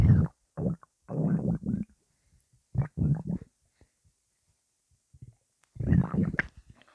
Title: Angry intense stomach rumbling